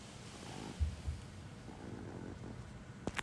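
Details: Sleeping Chihuahua (household has a white 5-year-old male and a black 4-year-old female) snoring and sleep-talking: soft, low, fluttering rumble with a couple of brief louder snorts and a faint click; snoring.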